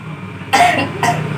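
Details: An adult woman whose throat is still sore coughs on request during a leg and groin exercise session: two harsh coughs over steady background noise.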